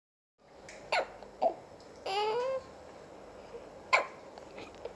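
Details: Newborn two and a half hours old: three short, sharp hiccup sounds over a few seconds, with one brief whimpering cry between them; newborn hiccups.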